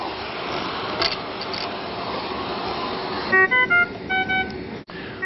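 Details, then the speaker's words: Puritan Bennett 980 ventilator in a demonstration, patient circuit deliberately disconnected: repeating high-pitched beep pattern over room noise: high-priority ventilator disconnect alarm. "we have a situation where the patient is disconnected sometimes you may be in an ICU where there is a number of ventilators going off all at the same time and this is a pretty critical alarm right now that patient is disconnected"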